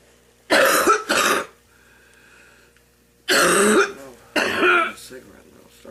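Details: Grandmother, a smoker, coughing up gunk from her lungs before her first cigarette: four harsh, rough coughs in two pairs with quiet pauses between, a productive cough.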